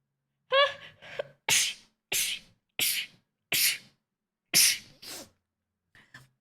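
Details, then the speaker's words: Female streamer who suspects an allergy and has been sneezing repeatedly: a rapid fit of about seven to eight sharp, explosive sneezes with brief gasps between them. "No entiendo por qué me está dando tanto así alergia. Ay, o sea, ya van muchas veces que estornudo, ¿no?"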